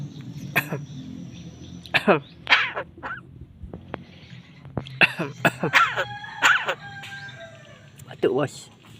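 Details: A buffalo myna (jalak kebo) makes a cough-like call: several short, harsh, throaty bursts among chirps and whistles, copying a human cough.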